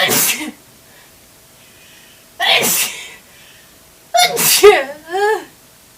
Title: Awesome spray sneezes